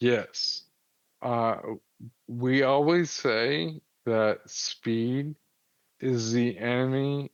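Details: 35-year-old man with Friedreich's ataxia, a progressive inherited neurological disease diagnosed at 19, affecting muscle coordination including jaw and tongue movement, speech problems noticeable since about age 33-34, wheelchair user; ataxic dysarthria.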